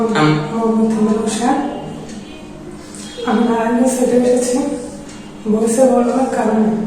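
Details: Adult man with puberphonia, voice problem for five or six years, likely recorded before voice therapy, which he says restored his natural voice after three days; puberphonia.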